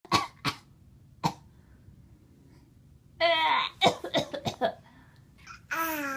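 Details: Three short, dry, deliberately faked coughs from a young boy, followed by voiced babble and laughter: voluntary cough.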